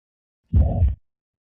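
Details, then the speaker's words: Teaching audio of the Carvalho sign: the xiphoid systolic murmur of tricuspid regurgitation, low and rumbling, clearly louder after deep inspiration and softer after expiration. "Ce signe correspond à l'augmentation nette après inspiration profonde et à la diminution après expiration du souffle systolique xiphoïdien de l'insuffisance tricuspidienne."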